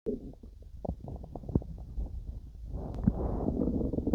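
Gurgling, bubbling abdominal sounds with irregular pops and a rumbling stretch, typical of active digestion.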